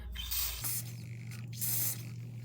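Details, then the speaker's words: Nasal spray used by a young patient recovering from rhinoplasty: two brief hissing pump spray bursts over a low room hum. "But I'm gonna do my nasal spray, put on some Aquaphor, and then go on a walk."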